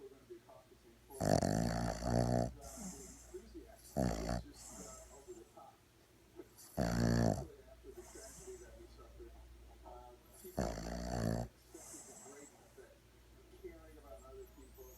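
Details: Four-month-old Boston terrier puppy in deep sleep: rattling, snorting snores every few seconds, about 20 breaths a minute, with faint room noise; snoring.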